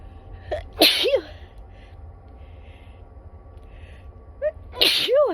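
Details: Sneezes recorded during a train ride, apparently induced, with the person complaining it hurts: two sharp, explosive sneezes, each with a short breath in before it, over steady train rumble.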